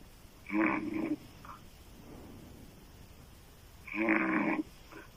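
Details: Female loud open-mouth snoring: rattling snores on each breath, about 18 a minute, with quiet pauses between.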